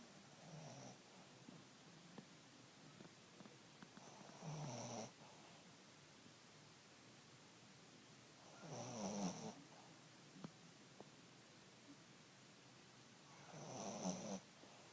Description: My dog Ebony snoring. She's 17 now so she sleeps a lot now a days.